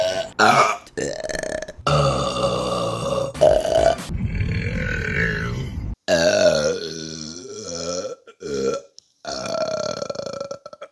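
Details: Burp compilation from March 2022: a run of loud, long, rumbling belches with brief pauses between, over background music.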